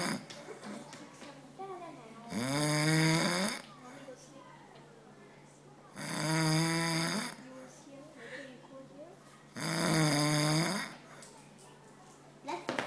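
Loud, rattling snores on each in-breath, about every 3.7 seconds, with quiet breathing between; ordinary heavy snoring.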